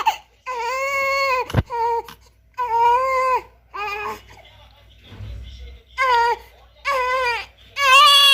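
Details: Newborn baby crying: repeated high-pitched wailing cries in bursts with short gasping pauses between them, a typical newborn cry.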